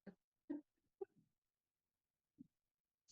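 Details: Snoring from Layla, asleep in her crate, heard in the background.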